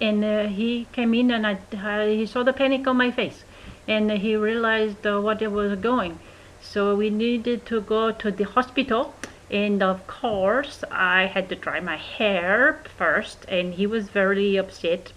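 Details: Adult woman about 10 weeks after a March 2012 stroke from a clot linked to antiphospholipid antibody syndrome and a hole in her heart; an acoustic study found consonants and melody not normal for any language; foreign accent syndrome.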